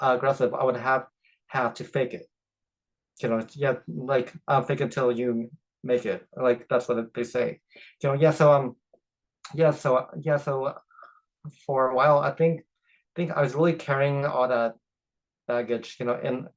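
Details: Adult man who stutters; stuttering.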